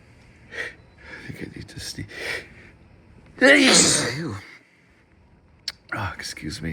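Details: Adult with a cold, also sneezing repeatedly, blowing nose and coughing a little: a sharp breath in, then one forceful sneeze with soft breathy noises around it.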